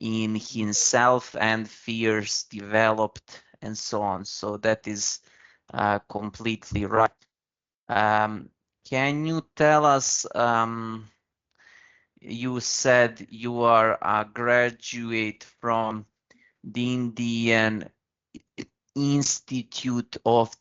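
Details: Adult Indian man whose stuttering began around class one or two and still affects his speech in meetings; real, developmental onset; stuttering.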